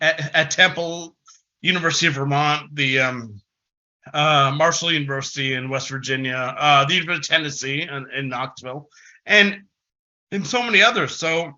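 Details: Adult man who has stuttered since about age six, giving a conference presentation, with filler repetitions and pauses; stuttering.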